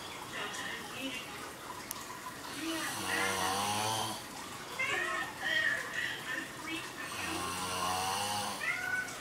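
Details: Person sleeping, with loud, drawn-out rattling breaths with whistling, snorting edges about every two seconds; heavy snoring.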